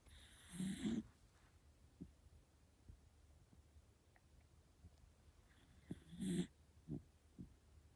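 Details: Miniature Dachshund snoring loudly like a human while asleep at night: two loud rasping breath noises about five seconds apart with faint noises between.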